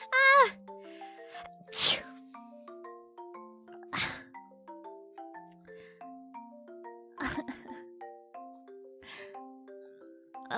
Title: BLESSED SNEEZE #10